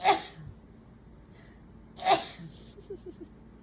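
Two separate sharp sneezes about two seconds apart, each with a quick intake before, in a quiet room; allergic sneezing.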